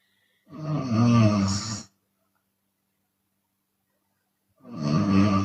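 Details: Chinese woman snoring with an open mouth, sometimes on exhale: two loud, deep, rattling snores about four seconds apart with silence between; heavy snoring.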